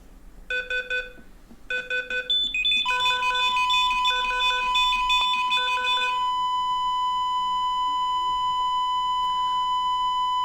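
Repeated urgent multi-tone alarm beeps that give way to a steady continuous tone, the monitor alarm heard during cardiac arrest.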